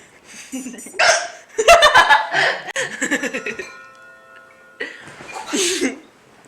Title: The 1st time i ever heard my mom hiccup!